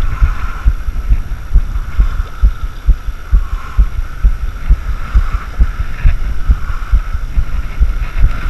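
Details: Normal heartbeat recorded through a homemade GoPro chest mount while walking a waterline: steady, regular low heart thumps with a faint hum and rustle behind.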